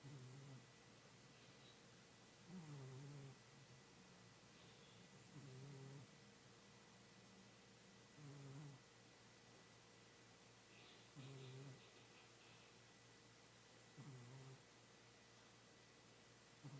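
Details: Old, overweight male cat sleeping soundly and dreaming: quiet, regular buzzing snores about every three seconds, roughly 21 a minute, over steady room hum.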